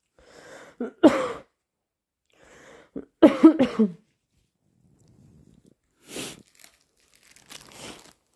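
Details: Sneezing during a cold: several forceful, wet sneezes with sharp inhalations and nasal bursts between them.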